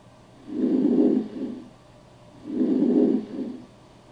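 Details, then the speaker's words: Normal vesicular breath sounds over the peripheral lung bases: soft, low-intensity, low-pitched, murmur-like rustling, best heard on inspiration, with longer inspiration fading into a brief expiration. "Murmullo vesicular. Sonido de baja intensidad, tono grave como un murmullo. Se localiza en el pulmón periférico en su base y se escucha mejor en la inspiración."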